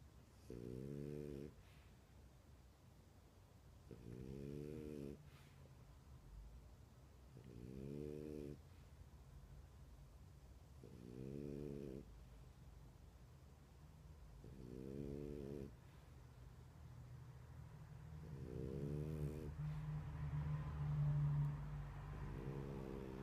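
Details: A sleeping dog snores in a steady rhythm, with buzzy, tonal snores about every three and a half seconds.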